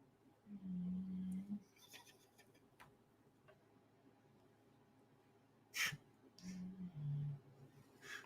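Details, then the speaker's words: A dog snoring super loud behind a man talking on a show; snoring. "don't know if you guys can hear that my dog's snoring super loud right behind me"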